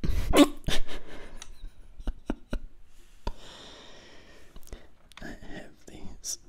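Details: Hiccups while trying to record whispered ASMR: several short, sharp, jerky catches of breath among quiet whispering.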